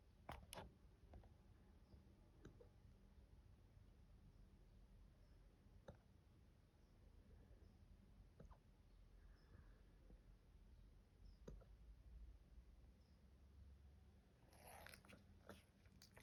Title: Puppy hiccups